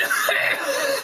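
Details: A single brief, deliberate cough from an adult man, made on purpose as a joke abdominal exercise after rubbing muscle rub on his belly, not from illness.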